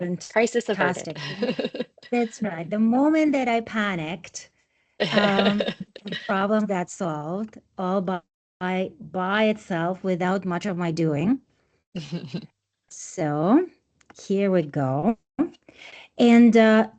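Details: Adult speaker; Normal speech.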